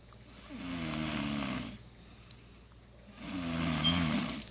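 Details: Sister snoring while sleeping: two rumbling, fluttering snores a few seconds apart over steady background hiss.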